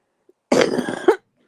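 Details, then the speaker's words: A single harsh, rough cough with a hoarse, barking edge and short catch; croupy cough in someone ill about a week, starting with sore throat, cough worse lying down. "But then I developed this cough, which I can't even lay down in bed because when I lay down in bed, all this whatever it is accumulates"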